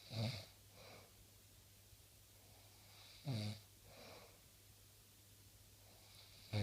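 Short, low snorting snores about three seconds apart, with softer breathy out-breaths between them: ordinary snoring in a quiet room.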